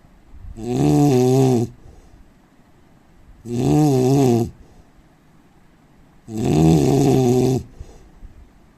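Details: Snoring from an Indian man.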